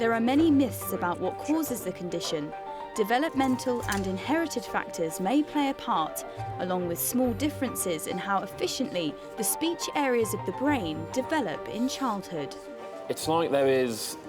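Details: Adult narrator; normal fluent speech.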